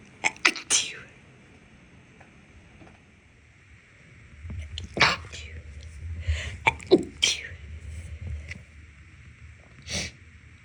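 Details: Several clusters of short, choked sneezes, some in quick pairs, with quiet breathing between, after cleaning dust and using cleaning products (no known allergy to either); fits of stifled sneezes.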